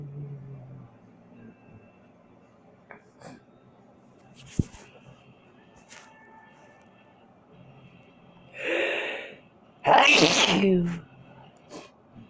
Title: Sneezing and coughing